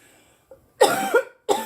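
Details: Adult woman coughing after smoking, face feeling hot: two harsh, forceful coughs in a quiet room.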